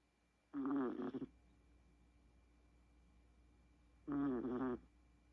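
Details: Two short, fluttering, nasal snores about 3.5 seconds apart in a quiet room from a sleeping Chihuahua puppy; harmless snoring.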